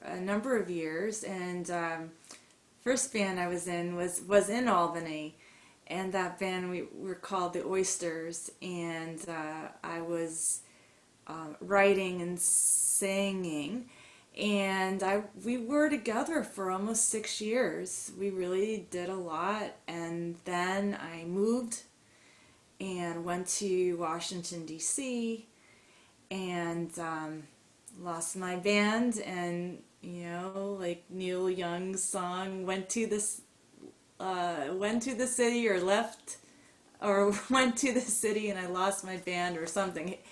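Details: Adult woman with mild to moderate stuttering, long hidden (covert stuttering) with silent blocks; stuttering.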